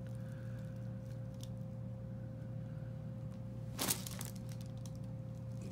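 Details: Single sharp joint cavitation crack over steady room hum during a mid-back (thoracic) chiropractic adjustment, taken on a breath, in a new father with severe thoracic pain; described as his first adjustment.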